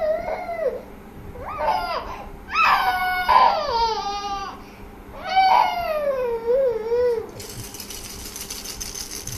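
Short whiny cries and wails from a baby with rising and falling pitch, in a quiet room; a fussy, pretend-style cry.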